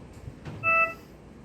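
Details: Philips Trilogy EV300 ventilator switched on: a brief click, then a single short electronic start-up beep.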